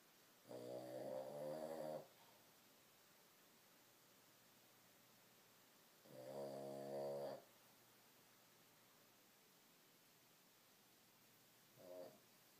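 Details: Three rough, buzzing snores a few seconds apart, about 11 a minute, over quiet room hiss; ordinary snoring.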